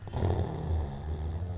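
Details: Labrador retriever puppy in deep sleep in owner's arms: steady low rumbling, fluttering breath noise throughout; loud snoring.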